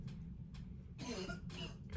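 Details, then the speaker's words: Cough heard from another room, from the speaker's dad or brother (likely brother), described as sounding kind of nasty: cough. "My gosh, my dad in there coughing. That might have been my brother. I don't know. One of them's in there coughing."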